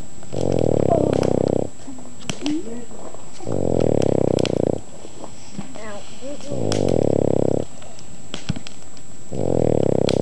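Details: Loud, rhythmic rattling snores, about four in ten seconds, with quieter pauses, from a Boston Terrier asleep on a lap in front of a campfire, with crackling fire in the background.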